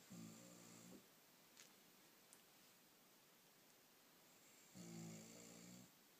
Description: My mum snoring